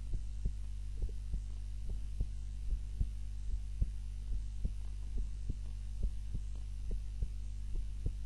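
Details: Heart sounds recorded during a daytime nap with a timer, lying on the back (supine) rather than the usual prone position: steady, regular low thumps over a constant hum; normal heart sounds at rest.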